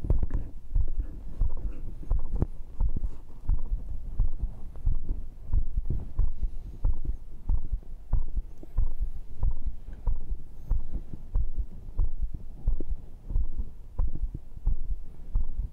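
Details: Regular deep heart thumps at about 92 beats a minute, self-recorded by microphone during muscle-training rounds of dips, abs, cross pulls and arm curls. The rate was 98–104 earlier and settled to 88: a normal heartbeat sped up after exercise.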